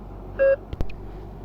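A single short electronic tone from a bedside patient monitor, followed by faint clicks over quiet room noise.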